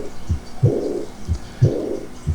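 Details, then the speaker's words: Aortic regurgitation, about 90 a minute: first heart sound, very attenuated second sound, then a soft blowing early diastolic decrescendo regurgitant murmur. "el primer ruido cardíaco un segundo ruido cardíaco muy atenuado y luego el soplo proto diastólico decreciente de reflujo"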